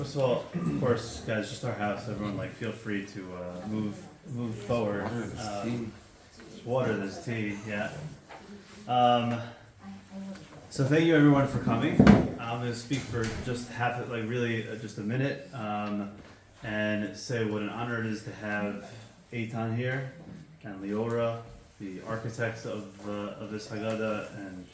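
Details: Adult man; normal speech.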